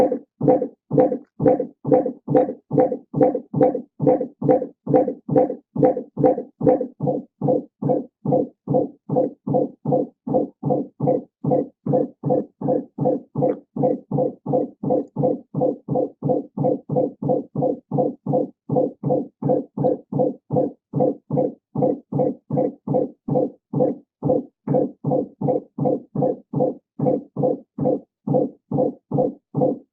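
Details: Intrapartum intermittent auscultation by Doppler in labour, first baby, heard just after a contraction stopped, baseline heart rate about 110 to date: rapid, regular whooshing fetal heartbeats around 130 a minute with a brief mid-recording speeding up, a fetal heart rate acceleration.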